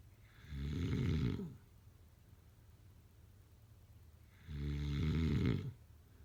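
Two rattling, vibrating snores about four seconds apart with quiet breathing between; ordinary snoring.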